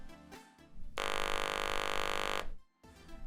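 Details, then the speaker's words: Electrolarynx tested after replacing a worn foam ring in the sound head cap: a steady, even mechanical buzz of about 1.5 seconds, a normally working device. "Now that the foam ring is properly placed into the sound head cap, place it back on the device. Test the sound of the device."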